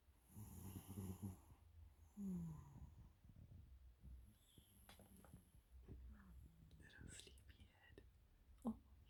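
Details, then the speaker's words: Sleeping cat, which the owner says is dreaming, with soft, low snoring breaths, faint squeaks and small rustling noises; snoring. "little snore monster."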